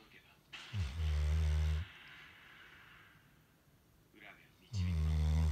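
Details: Sleeping Golden Retriever snoring: deep, droning snores on each inward breath with quiet breathing out between, about two breaths heard.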